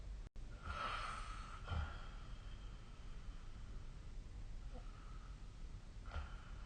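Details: Night-time snoring during sleep, recorded 17 April 2025 with the SnoreLab snoring app.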